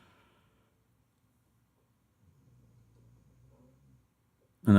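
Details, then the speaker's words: Dog snoring in the background, picked up by the microphone while a person talks about music theory at a keyboard. "Can you hear my dog snoring now?"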